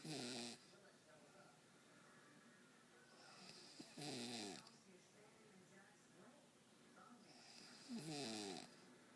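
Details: Sleeping woman snoring before her nose was pinched: short, rough snores about 15 a minute, separated by quiet breathing, ordinary snoring.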